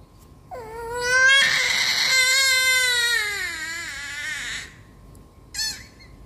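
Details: A sudden, loud, high-pitched wail, held for several seconds then falling away: a 9-month-old baby's sharp pain cry during manual ear piercing with a syringe needle.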